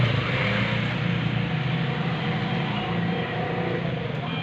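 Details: Nebulizer compressor running after repair of a machine that produced no air: steady low motor hum with a constant droning rumble.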